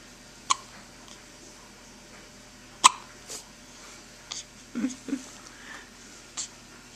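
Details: Hiccups recorded with a Flip Video camcorder: two sharp, abrupt hiccup sounds with softer throat noises between them in a quiet room.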